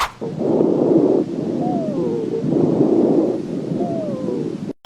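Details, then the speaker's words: Expiratory wheeze heard through a stethoscope during an asthma attack: two breaths, each exhalation carrying a high, musical, falling whistle. "是哮喘发作时的哮鸣音。"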